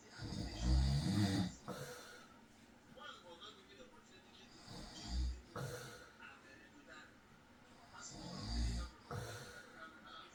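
Three low, rumbling snores a few seconds apart, with quiet breathing between them. Ordinary snoring during sleep.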